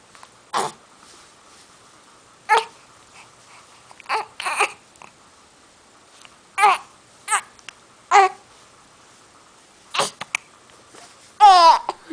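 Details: Baby with hiccups: short, sharp catching sounds repeating at irregular intervals, with soft fussy vocal sounds between them; infant hiccups.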